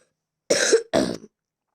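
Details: Cough from a speaker who says they have fallen ill: two quick, slightly raspy coughs in succession with no other sound.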